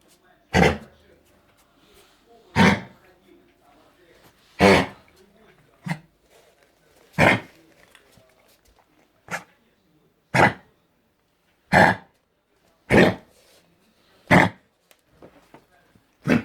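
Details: Dog with canine influenza: eleven harsh, forceful coughing bursts roughly two seconds apart, with faint room noise between, as the owner asks why he is coughing.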